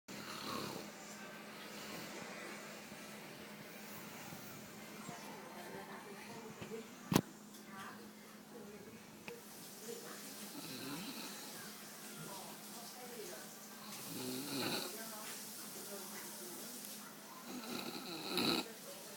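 Rough, rattling breathing noises repeat through sleep, with faint background sounds; snoring.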